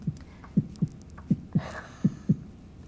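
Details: Paired lub-dub thumps at about 80 beats a minute, a person's heartbeat recorded close up and played during a children's heart-drawing art activity; heartbeat.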